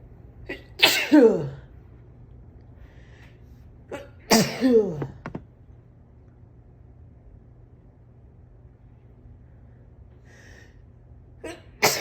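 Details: Morning sneezing fit on waking congested with a burning tickle, described as an allergy fit: several sneezes in quick succession, each a sharp intake of breath then an explosive burst.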